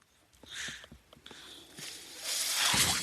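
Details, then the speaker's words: A man's mechanical ventilator: soft clicks and faint rustling, then the rising airy hiss of a delivered breath. "My name is my noise you're hearing is my ventilator."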